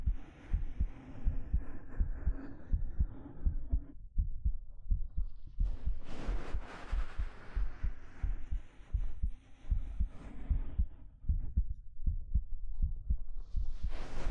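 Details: Soft, muffled low thumps at about 80 a minute under fabric rustling, heard close up in a 3Dio binaural ASMR hugging roleplay; a steady heartbeat.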